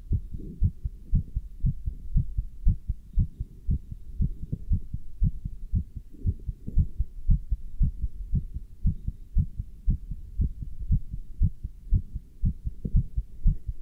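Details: Steady, regular low thumps at about 118 a minute, heard through a stethoscope on the chest with a chest band while standing still and lifting dumbbells; normal heart sounds.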